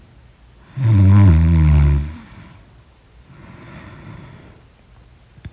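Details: Loud snoring in deep sleep: one loud, deep, rumbling snore followed by a softer breath out and quiet.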